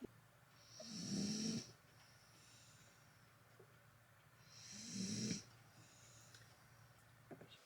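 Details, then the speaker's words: Dog named Pepper snoring in the background during a motorhome trip: a sleeping dog snores twice, each a rough, rattling inhaled breath with a faint whistle, against quiet room noise. "I don't know if you can hear pepper snoring in the background but that's about standard in this"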